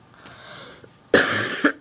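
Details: Single harsh throat-clearing cough with a short second burst, in a quiet room, from a person who says they are sick.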